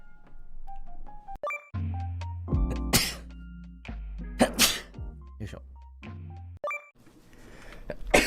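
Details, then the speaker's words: Sneezing during a VTuber livestream: several sharp, explosive sneeze bursts over background music and game sounds, after which the streamer apologizes and says it was a sneeze. "失礼しました。くしゃみです。"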